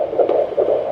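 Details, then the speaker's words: Handheld Doppler at a midwife appointment, 19 weeks pregnant: fast whooshing fetal heartbeat at about 150–160 bpm, normal (range 110–160); the fetus was later diagnosed with a VSD at the 20-week scan. "So I don't remember, it's very normal for it to be this fast. It is normal, did you say? Yeah. Yep, so their heartbeat usually sits at around 110 to 160 beats per minute."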